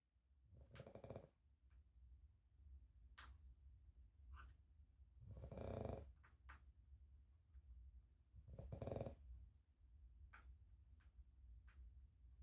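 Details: Dog Penny snoring while asleep; owner plans to have the snoring treated when she is old enough. Three slow, rough, rattling snores over about twelve seconds with quiet room noise between.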